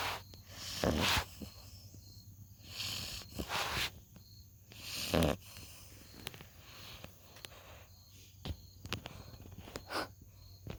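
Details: Loud, irregular snorting bursts every few seconds with quieter rustling breaths between, from a sleeping female puppy: snoring.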